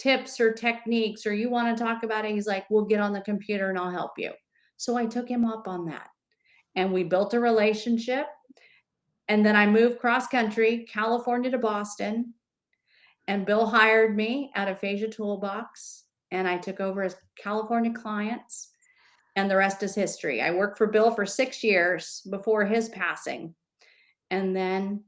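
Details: Adult woman speaking; normal speech.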